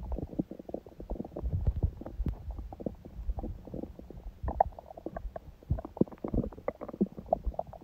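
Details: Adult's quiet abdomen on a day of a smoothie breakfast and salad, with little hunger growling: soft, frequent gurgles and low rumbles, ordinary gentle bowel sounds of gut movement.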